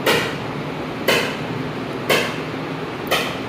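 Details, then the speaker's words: ESWL session for a roughly 13 mm left kidney stone, patient lying relaxed with the stone in focus: sharp, loud cracking pulses about once a second over steady machine hum; lithotripter shock waves. "Patient relax हो के लेटा हुआ है आराम से। On भी focus किया हुआ है। यहां पे सेशन हो रहा है।"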